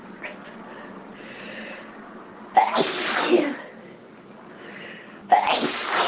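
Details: Two forceful sneezes, each preceded by a soft indrawn breath, over quiet room noise, on a severe summertime hay fever day; sneezing from hay fever.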